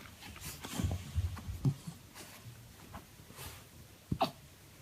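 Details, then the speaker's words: Puppy with hiccups, seemingly confused and angry at them: repeated hiccup sounds. "kind of hard to sound tough when you're hiccuping."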